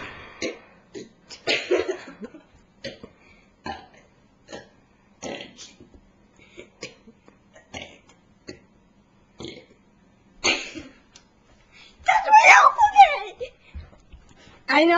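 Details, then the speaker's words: Adult performing deliberate belching, recorded on a Flip Video camcorder: a rapid, irregular series of short belches ending in one longer, louder burp. "know I miscounted it, but Let's do a burp now."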